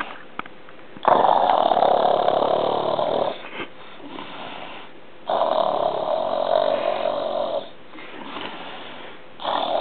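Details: Willie, apparently lying on his side while asleep (his snoring is said to be worse on his back), gives loud, rough, rattling snores on slow breaths: two long snoring breaths with quieter pauses between. Snoring.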